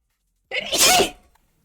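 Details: A single sharp sneeze from a woman during a livestream: a brief intake, then a loud burst of air that quickly fades.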